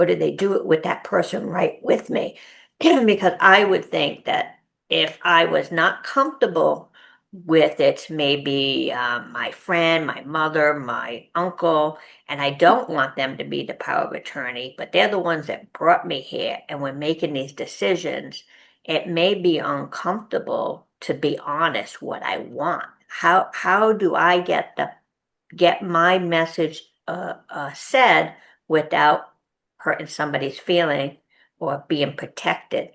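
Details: Aphasia in an adult woman at an aphasia conference, who says aphasia makes things hard for her.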